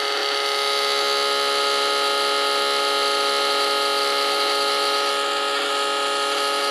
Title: Blood Pressure Machine - Sound Effect [HD]